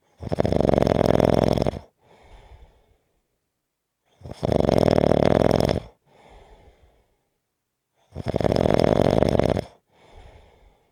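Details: Loud, rough snores on inspiration with softer expiratory breaths, about 16 breaths a minute; snoring.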